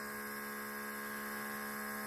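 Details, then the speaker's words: Non-original adapter fitted to an Omron C24 compressor (for Omron CompAir NE-C20/C21 Basic inhaler): plugged in and switched on, compressor nebulizer running and working fine. "устанавливаем сюда разъёмчик наши втыкаем и включаем все прекрасно работает"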